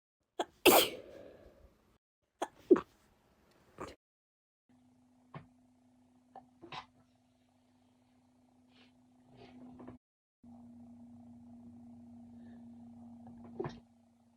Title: sneeze attack from multiple different things